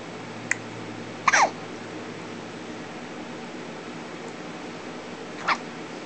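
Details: Baby girl with hiccups, as usual after feeding a lot: three brief, sharp, irregularly spaced hiccups within about five seconds over steady room noise while an adult talks to her.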